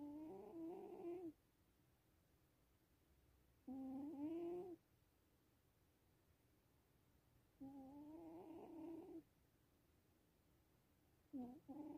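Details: Sleeping Sphinx cat makes a squeaky, whistling snore on each breath, about 16 breaths a minute, with quiet pauses between; snoring.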